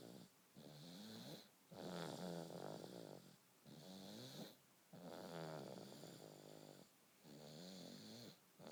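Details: Baby snoring: rhythmic fluttering snores on both inhalation and exhalation, about 19 breath cycles a minute; ordinary sleep snoring.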